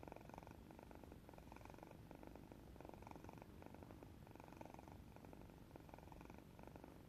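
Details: A resting cat gives a soft, steady fluttering rumble rising and falling in repeated bursts with its breathing: snoring, though close to a purr.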